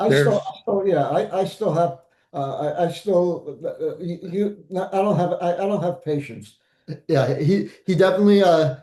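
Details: Post-stroke aphasia in a stroke survivor; aphasia.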